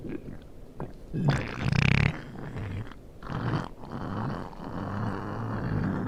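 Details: Low, irregular rumbling and gurgling bursts rising and fading over several seconds, with faint background noise: stomach growling (borborygmi).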